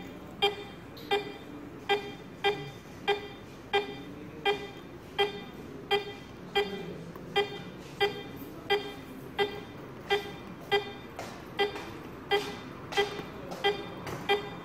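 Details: Vetsens-MP1 monitor with an SpO2 probe, pulse volume and HR source settings shown: regular short electronic beeps, about 90 a minute, each marking a detected pulse; pulse oximeter beep.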